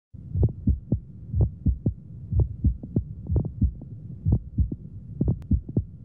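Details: Hamman's sign heard on auscultation over the precordial area in pneumomediastinum, with a double-pericardium X-ray sign: irregular crunching, crackling bursts synchronous with the heartbeat at about 60 a minute over a low hum; mediastinal crunch.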